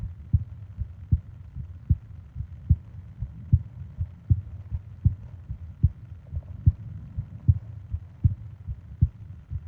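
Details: Normal heartbeat: steady, low lub-dub thumps at about 75 beats a minute in a regular rhythm, from a 20-minute ASMR sleep-aid recording of heart and breathing sounds.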